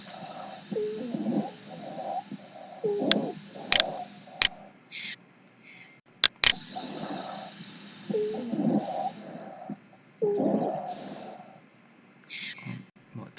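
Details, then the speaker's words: Stethoscope breath sounds from a COPD example with narrowed bronchi: brief whistling, musical tones during breaths; wheeze. "예를 들어서 기관지가 좀 좁아지는 식이라 만성 폐쇄성 폐질환라고 하는 이런 질환 같은 경우에는 이런 위징 사운드를 드릴 수가 있습니다"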